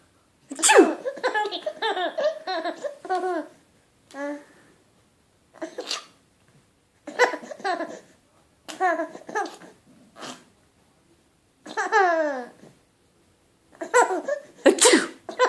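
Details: Mother's playful imitation sneezes, answered by repeated bursts of giggling laughter from her 10-month-old baby boy; acted sneezes, not real ones.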